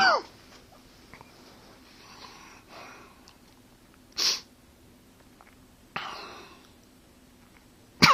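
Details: Four sharp, separate coughs with quiet pauses between them: cough.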